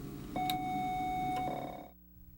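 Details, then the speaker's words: Thymatron System IV ECT device: pressing the treat button sounds a 1-second continuous clear warning tone during which no current is delivered, followed by a quieter hum. "when the treat button is first pressed a 1 second continuous clear tone warning signal sounds during which the current will not be on"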